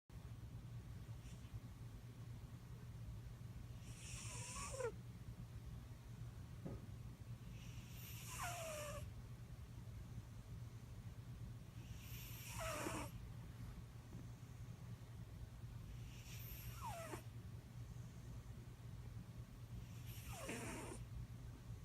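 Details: Sleeping kitten snoring loudly: five loud, rough snores about every four seconds, roughly 14 a minute, over a steady low hum.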